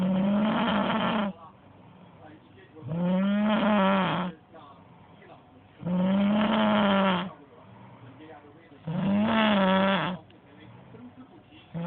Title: 코고는 소리 대박 코골이 3탄